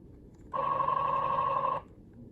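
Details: A single steady electronic alarm tone sounding for over a second, then stopping, from a Zoll EMV transport ventilator that needs an oxygen connection for power: ventilator alarm.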